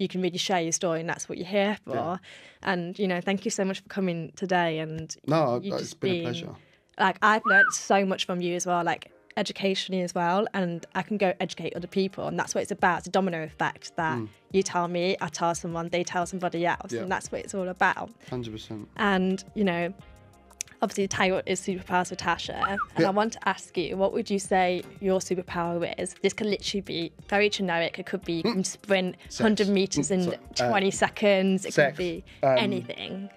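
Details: Adult woman speaking; fluent speech without tics.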